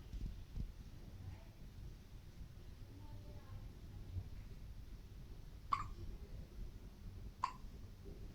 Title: 15 days old baby hiccups